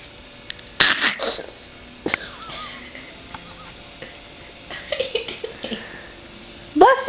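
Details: A young child fake-sneezing in imitation after an aunt sneezed three times in a row: several short, sharp, playful sneeze-like bursts, with voices in the background saying "bless you."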